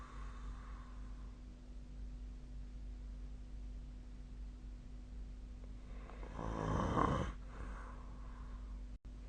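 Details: Sleeper recorded with a snore-tracking app: single rough, rattling snore on an in-breath rising out of quiet steady room hum, then fading.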